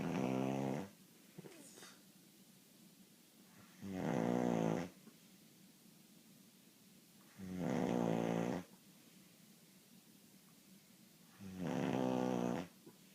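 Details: Snoring: regular, buzzing, voiced snores about every four seconds, roughly 15 a minute, with quiet pauses between.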